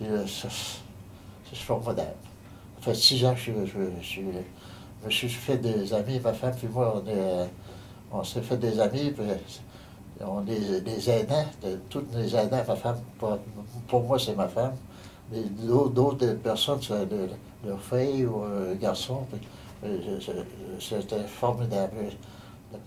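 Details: Aphasia in a man following a stroke on 15 November 2009.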